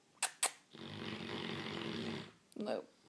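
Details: Sleeping 6-month-old Great Dane puppy: one long, low, rattling inhaled snore between soft clicks and a short snort in a quiet room; sleep snoring.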